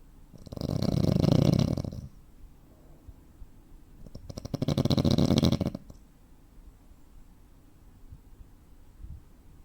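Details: Real-life snoring from a 43-year-old man (85 kg, 165 cm): two loud rattling snores, then several seconds of near silence with no breath sound. These are breathing pauses typical of sleep apnea.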